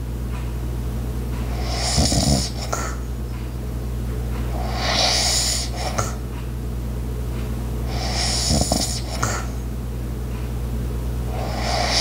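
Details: Light ASMR snoring: soft, slow snoring with breathy noise on each breath, over a steady hum and faint household sounds such as the ice maker, clock and walking; light snoring.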